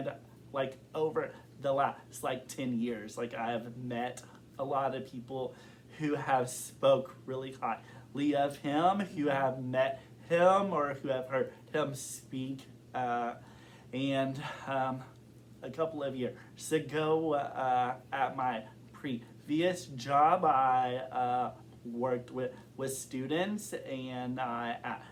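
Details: Adult man who has stuttered since kindergarten, reporting blocks as a recent struggle and a stutter that varies in severity and form over time. Stuttering.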